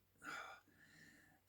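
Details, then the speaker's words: Adult clearing the throat and reporting wheezing a little: a brief noisy breath, then a faint, thin whistling tone on exhalation, a mild wheeze. "I'm going to clear my throat again I don't know if you can hear me wheezing a little bit"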